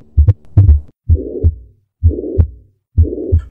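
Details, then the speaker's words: Heart failure patient, possibly after myocardial infarction causing valve disease, with regular heart sounds about 64 a minute and a hollow systolic murmur heard best at the apex: mitral regurgitation. "mitral regurgitation a hollow systolic murmur heard best at the Apex"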